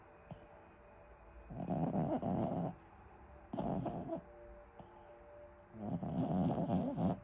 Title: my favourite snore by the way